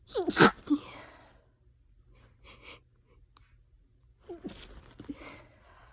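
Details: Two loud voiced sneezes a few seconds apart, with soft sniffing between; part of nonstop allergy sneezing that lasted about 20 minutes.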